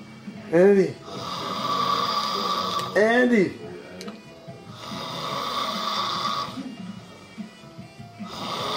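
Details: Loud snoring of a sleeping adult man: long rasping breath noises alternating with brief voiced, groaning snorts in a repeating sleep-breathing rhythm.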